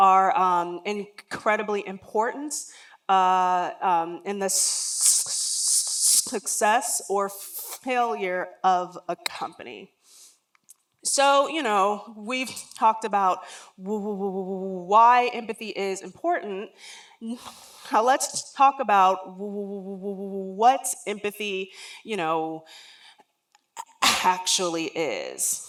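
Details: Real lifelong stuttering in an adult woman who says words and phrases don't come out as quickly as she would like.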